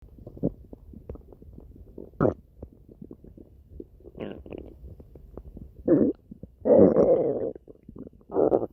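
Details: Stomach growling (borborygmi): bubbling gurgles and longer growling rumbles from the belly.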